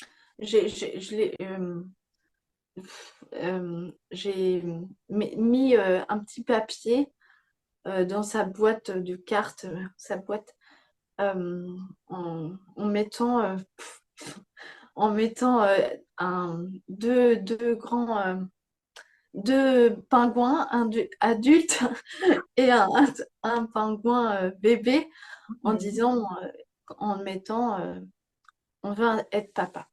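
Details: Young woman with post-stroke aphasia after a stroke at age 22; words come more slowly than before and grammar had to be relearned; aphasia.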